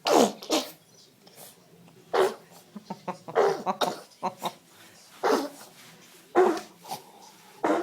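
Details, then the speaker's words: A baby has a run of small, sharp, high-pitched sneezes, about six in eight seconds, with quiet breaths between, part of a bout of 13 sneezes in a row; infant sneezing. "Gesundheit ach Gott du immer noch nicht draußen du armes Kind"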